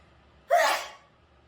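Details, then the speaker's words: A single abrupt, explosive sneeze with a sharp onset fading over half a second, triggered by nasal swabbing during a Covid test. "I'm jealous of your sneeze because every time I sneeze, I have to like."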